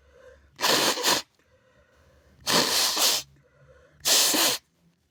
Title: sneezing on my robe, bless me! (he/they)